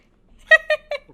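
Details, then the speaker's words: Three short, strained, voiced retching sounds in quick succession from a pet cat coughing up a hairball: hairball retching. "Oh yeah, Pippa's okay. She just was coughing up a hairball. That's the sound that cats make when they have a hairball."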